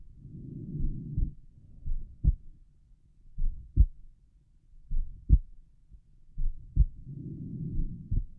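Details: Normal heart sounds at rest over the pulmonic area: soft, slow heartbeats with some rubbing noise in between.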